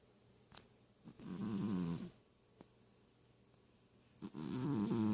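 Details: A cat named for its wheezing gives two loud, rough, rattling snores a few seconds apart, with quiet breathing between them, in a small room: snoring.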